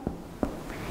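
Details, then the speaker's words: Normal lung resonance on chest percussion during a physical examination of the respiratory system. "Aquí tenemos la resonancia normal del pulmón"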